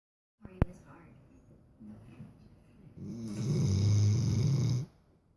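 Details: Snoring: a loud, low, rattling snore on one long breath after some quieter breathing.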